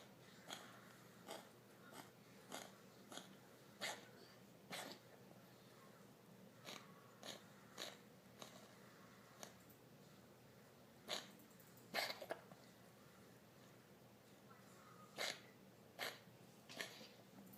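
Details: Female cat's recurrent coughing attack with no apparent trigger, from none in a week to ten within five hours: a run of short, dry, hacking bursts in uneven clusters.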